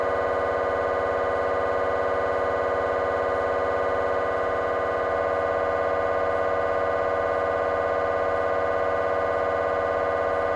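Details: MRI scanner noise from a GE 3T scanner, temporal bone (Felsenbein) protocol, during a T1 fast spin echo sequence: loud, steady, rapid electronic tapping with droning buzz, about 200 pulses a minute.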